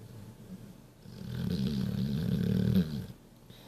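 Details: Sleeping pitbull giving a single long, rattling, low buzzy snore in a quiet room; snoring.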